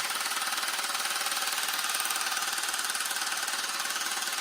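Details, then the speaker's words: Low-intensity shockwave therapy device used on the penis for erectile dysfunction: loud, fast, regular tapping pulses about 160 a minute; the user reports no pain and no sensation during treatment. "So I have no pain on my penis right now, but I can't feel anything. All you guys can do is just hear how loud it is."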